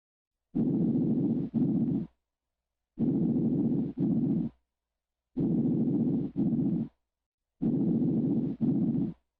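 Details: Normal posterior breath sounds on stethoscope auscultation: four soft, even breath cycles, about 25 a minute, each a smooth inspiration then a shorter expiration.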